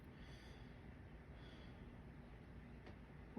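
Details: Lung auscultation with stethoscope, front then back, patient taking repeated deep breaths on command, listening for adventitious sounds; normal breath sounds.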